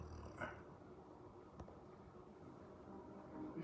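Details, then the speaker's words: Sleeping dog snoring soundly: quiet, low fluttering rumble of breathing with faint room noise in the background; snoring. "she really sleep soundly you snores Mok"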